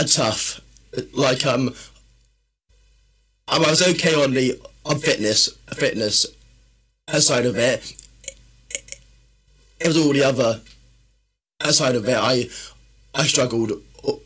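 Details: Adult male, former army medic, with a stammer since childhood that worsens when tired, stressed or nervous; stuttering.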